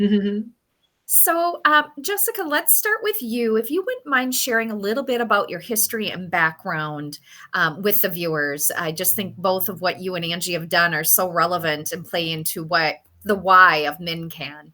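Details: Adult woman speaking; normal speech.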